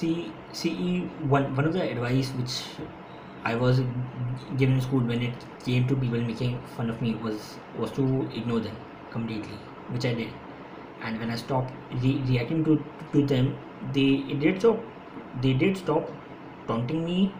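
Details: Adult man who has stammered since school, speaking with repetitions: stuttering.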